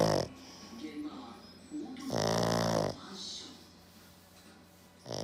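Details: Black pug dozing off, giving loud rattling snorts between quieter noisy breaths; snoring.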